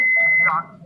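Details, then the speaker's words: Simulated cardiac arrest megacode skill test during BTCLS training: a steady high electronic tone ending in a brief blip as the defibrillator delivers a 200-joule shock for persisting "PT" after "everybody clear". "Everybody clear? Clear. Look at monitor. Masih PT, berikan shock."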